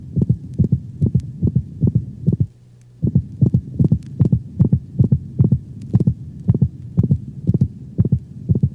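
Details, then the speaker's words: Dog standing, stethoscope over the mitral valve region: rapid heartbeat near 150/min with a sharp high-frequency systolic click in some beats only, moving toward and away from the first sound. Systolic clicks may antedate mitral insufficiency. "the systolic click is a high frequency sound commonly heard over the mitral valve region it is not heard with every beat if it moves close to and then away from the first sound"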